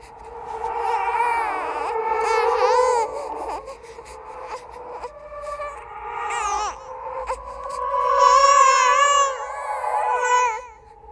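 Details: Horror sound effect of a ghost baby crying: wavering, high-pitched wailing cries rising and falling in bursts, with an eerie processed quality; infant cry.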